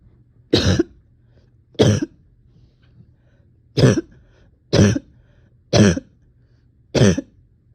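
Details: Person exhausted, with on-and-off chest and stomach pain; six forceful, dry coughs about once a second, each a single harsh burst, with low room hum between; repetitive coughing.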